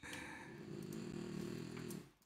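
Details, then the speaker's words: Snoring from a female pet dog sleeping nearby during a live coding session. "can you hear my dog snoring she's so funny she cracks me up"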